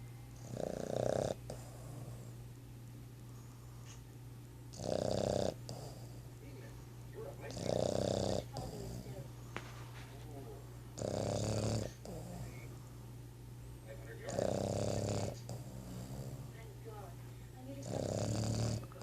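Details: Loud rasping snores from a Boston terrier at regular intervals, about six in 19 seconds, with quieter breathing between them and a steady low hum in the room; dog snoring.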